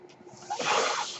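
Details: Breath delivered by the speaker's own ventilator, heard at the start of a podcast recording: a mechanical ventilator breath.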